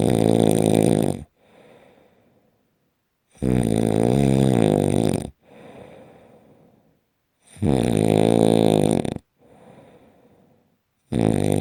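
Loud, harsh, buzzing snores on each breath in, with softer breaths out, about 14 breaths a minute; very loud, regular snoring.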